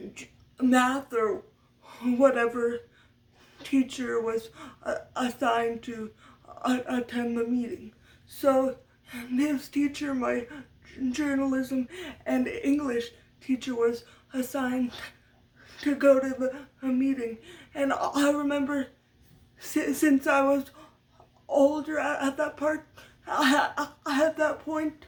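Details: Adult woman with lifelong stuttering from muscle tightness due to cerebral palsy after brain damage as a baby; had speech therapy from a young age through high school and uses techniques to minimize it; stuttering.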